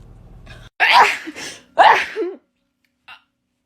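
Two explosive sneezes in a row, each with a sharp inward breath before it and a voiced tail after it.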